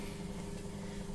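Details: Oronasopharyngeal suctioning demonstrated by a nursing tutor in an educational video, with normal saline: steady low motor hum with a constant drone; suction machine running.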